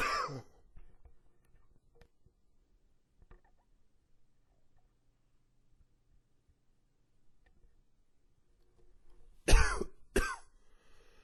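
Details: Old recording of a long, wheezy cough with a few gags: three harsh cough bursts in a quiet room, one at the start, then two close together near the end; wheeze not clearly heard.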